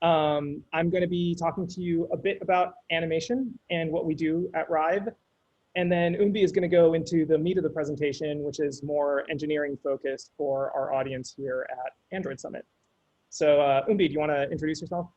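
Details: Adult male speaker; normal speech.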